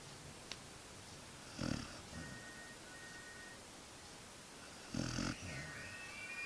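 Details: Two short snorting snores from a sleeping husky puppy, with faint tones in the background: puppy snoring.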